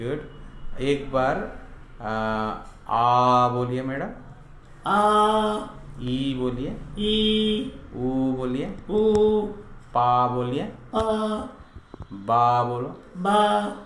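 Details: Adult clinician prompting and adult woman repeating; Speech, vowel and syllable repetition drill.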